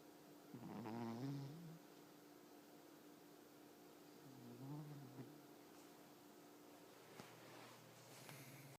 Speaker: This is the cat that snores.